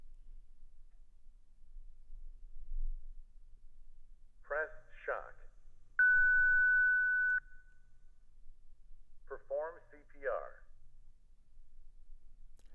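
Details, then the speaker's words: ZOLL Zenix hospital defibrillator/monitor in manual mode, pressing analyze prompts a CPR protocol (pediatric/neonate training): synthetic voice prompt, steady alert tone, another spoken prompt: defibrillator voice prompts. "In manual mode, pressing analyze prompts the user through a CPR protocol."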